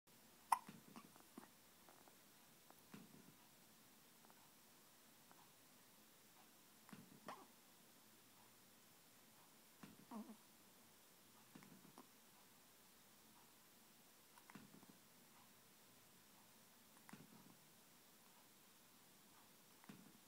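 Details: Hiccups: soft, brief hiccup sounds repeating roughly every two to three seconds, about eight over twenty seconds, in a quiet room.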